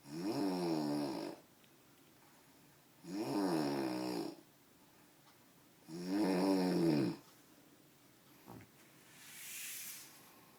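Three loud buzzing snores about three seconds apart, followed by a short snort and a softer breath. Snoring.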